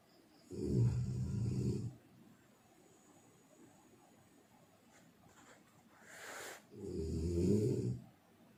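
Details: Snoring: two deep, rattling snores on the in-breath about six seconds apart, with a quiet breath out between them.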